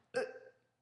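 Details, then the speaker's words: A single abrupt voiced hiccup with a sharp onset and short fading tail from a person smoking a cigarette on a webcam recording. "I am smoking with hiccups for you"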